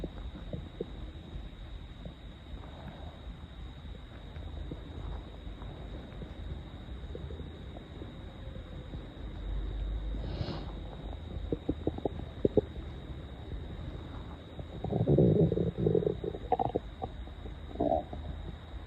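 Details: Hunger stomach growling at 7 am after more than 20 hours without food, loud enough to hear without a microphone: low gurgling and rumbling bursts from an empty stomach over quiet room noise.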